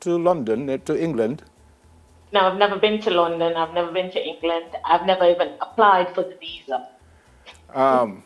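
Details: Jamaican woman who has spoken with a British accent since brain damage from an accident, with a small brain swelling seen on MRI, though she has never been to England; foreign accent syndrome.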